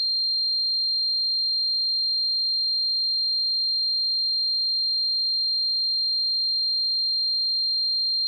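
A steady, high-pitched pure tone that does not change; a simulation of tinnitus ringing.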